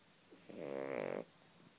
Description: My mums yorky snoring away lol! Quite content haha!